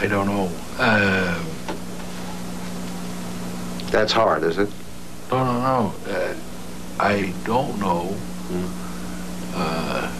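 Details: Adult man with aphasia after a stroke at age 45 from a blood clot, affecting both comprehension and expression, with slow initiation and word-finding difficulty: aphasia.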